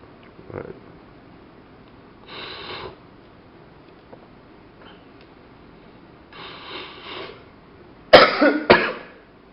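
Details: Several coughs in a quiet room, ending with two sharp, loud bursts, heard while the person picks a lock on camera; cough.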